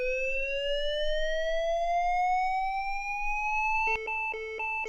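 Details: LIFEPAK 15 defibrillator in AED mode after "shock advised": a steadily rising tone for about four seconds as it charges, then repeated short beeps signalling ready to shock.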